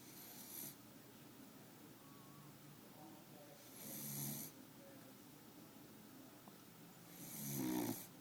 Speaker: Al, you're snoring. It's not very sexy, you know. Al, the snoring beagle.